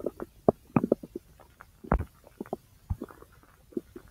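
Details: Self-recorded abdomen over the large intestine: soft irregular gurgles and clicks; ordinary bowel sounds (borborygmi).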